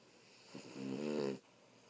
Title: snoring